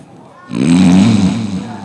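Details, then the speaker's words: Staged snore in a Kannada stage comedy drama, an actor imitating a man oversleeping late into the day: a single drawn-out, low, rumbling snore. "ಏನಿದು ನಮ್ಮನೇಲಿ ಇಷ್ಟು ಹೊತ್ತಾದ್ರೂ ಯಾರು ಮಲಗಿದರು? ಗೊರಕೆ sound ಬರ್ತಾ ಇದೆಯಲ್ಲ, ನೋಡ್ತೀನಿ."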